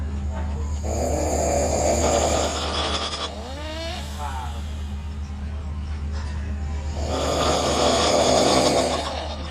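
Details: Two young women snoring hard after a long night of partying and drinking: loud, harsh snoring with rattling breaths in and out over a steady low hum.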